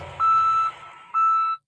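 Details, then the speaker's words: Beeping heard in the background during a phone call from a person in hospital: two steady electronic beeps about a second apart, hospital equipment beeping. "We can hear a little beepy beepy in the background. Beep, beep."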